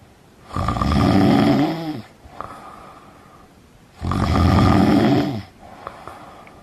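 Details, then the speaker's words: Heavy snoring, likened to Darth Vader choking on an Ewok: two loud, rough, rattling snores on breathing in, each followed by a softer breath out, at about 17 breaths a minute. "number four a snowy kitten is cured snoring that sounds like Darth Vader choking on an Ewok is not I hope you don't know anyone who does snowing but if you do well then have little sorry"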